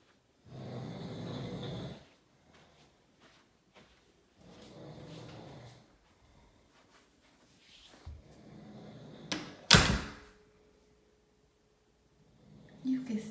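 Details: Person sleeping: rough, rattling snores on breaths in, a few seconds apart, then room noise and a door-like bang; ordinary snoring.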